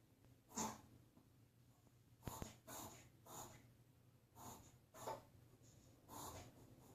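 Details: A small dog has a severe reverse sneezing episode, with repeated harsh, snorting inward gasps in quick succession.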